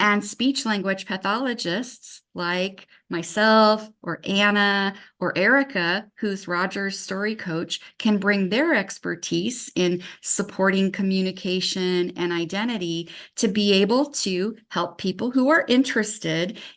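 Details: Adult woman speaking; no disorder.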